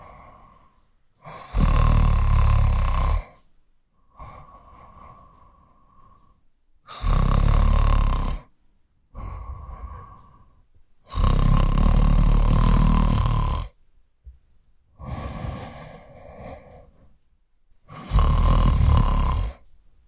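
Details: Man snoring loudly as a sound effect: loud, rough, rattling snores on each breath in, with quieter breaths out, about 11 to 12 breaths a minute; snoring.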